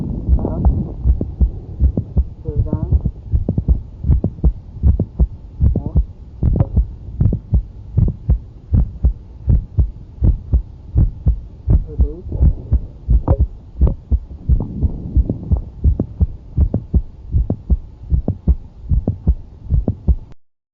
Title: Mid systolic click during valsalva- heart sound auscultation